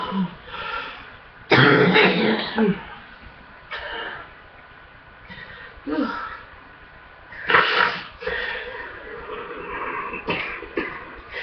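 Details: Harsh, forceful, heavy congested coughing fit with throat clearing; chest feels full with hard coughing — chest congestion cough.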